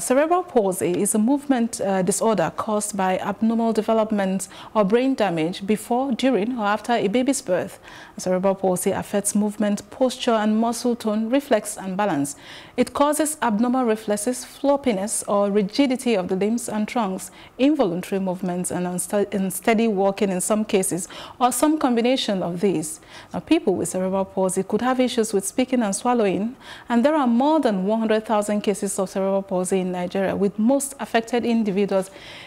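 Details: Adult woman speaking; Typical speech.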